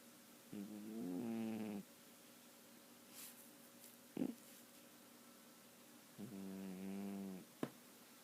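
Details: A sleeping cat snoring: soft, slow, buzzing snores, two longer breaths with a brief snort between; ordinary animal snoring.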